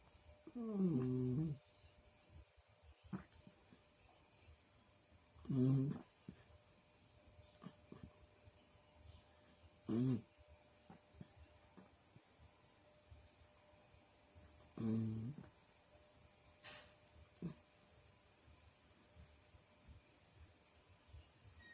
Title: Anjing tidur mendengkur